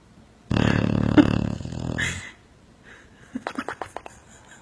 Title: A dog snoring